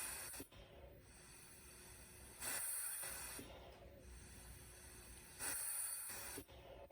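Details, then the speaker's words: Regular hissing gas-flow bursts from the RespiraWorks ventilator on 100% oxygen at compliance 20, rate stepped down from 30 to 20 to 10 breaths per minute during a respiratory rate range test on a test lung. "We'll go backwards since we're already here at 30 breaths per minute. Down to 20. And down to 10."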